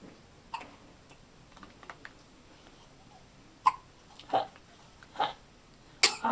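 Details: Hiccups and burping: about five short, sharp hiccup sounds, spaced irregularly against quiet room noise.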